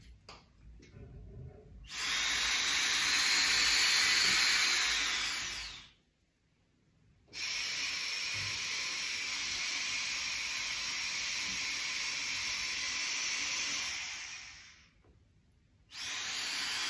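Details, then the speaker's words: Demonstration of diaphragmatic breathing through an inspiratory muscle trainer, used to strengthen the diaphragm and intercostals, with the 4-8 method: a loud airy hiss as the person inhales for four seconds, pauses, then exhales slowly for eight seconds. "so the 4-8 method would look something like this so inhale for a count of four seconds exhale for a count of eight"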